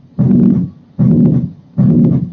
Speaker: and then you know just pretty much lets your this ventricular septal defect